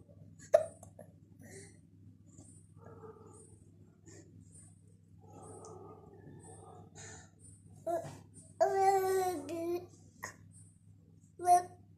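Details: Baby with hiccups: several short, sharp hiccup sounds among soft babbling and a brief fussy cry in a quiet room.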